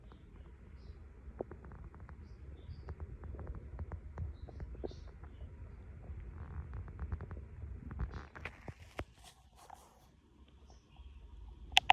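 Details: Soft gurgles and scattered clicks from the belly while still digesting a late breakfast after light tidying; normal bowel sounds (borborygmi).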